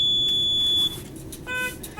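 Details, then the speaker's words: Mechanical ventilator being set up for training with a test lung box: a steady high beep, then a shorter two-tone chime over room hum; a normal power-on start-up alarm tone. "so when i'm ready to connect it to my lung box i have it there let me go ahead and turn on my ventilator"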